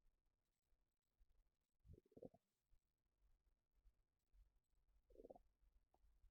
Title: Stomach rumbling when I'm sitting down